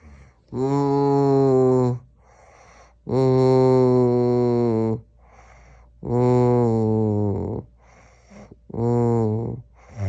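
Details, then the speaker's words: Adult man, feverish the night after a vaccine, usually snores: long voiced droning moans on each breath out with quiet breaths between, about 4 in 10 seconds; moaning in sleep instead of his usual snoring. "我给他量体温他还哼哼，重点是哼哼嘛，他平常就打呼噜，昨天是不是疫苗给你拿的呀？那个劲儿不打呼噜了，开始哼哼，你知道吗？"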